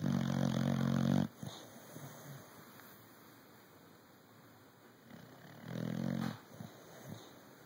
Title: Snoring!